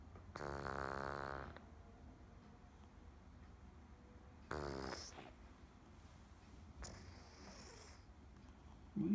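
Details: Two loud, rattling inspiratory snores with a fainter third against quiet room noise; a cat starting to snore.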